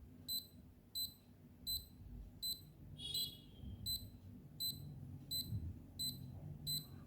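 Short high beeps repeating about 85 times a minute, one per detected pulse, from a fingertip pulse oximeter taking a reading.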